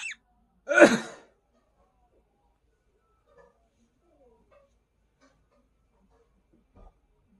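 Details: A Quaker parrot imitating a sneeze: one sharp, sneeze-like burst in near silence.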